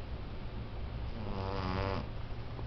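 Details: One low, rough, rattling inspiratory snore from a sleeping female cat over steady low room noise, unusually loud for a cat; owner wonders about sleep apnea and doubts it is healthy: snoring.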